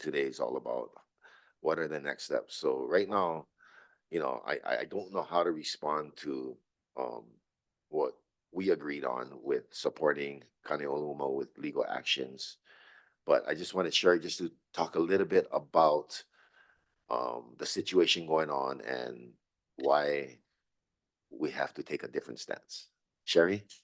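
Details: Adult male speaker; Normal conversational speech.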